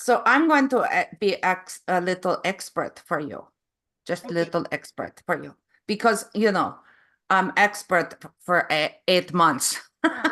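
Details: Adult woman with foreign accent syndrome since 2010; foreign accent syndrome.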